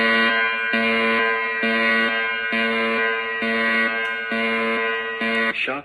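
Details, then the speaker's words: Simulated training demonstration of a fully automatic AED (Defi5s): after rhythm analysis and the prompt "Everyone clear, do not touch patient, shock will be delivered," a repeating pulsed electronic shock warning alarm sounds, about one pulse a second. "Everyone clear. Do not touch patient. Shock will be delivered."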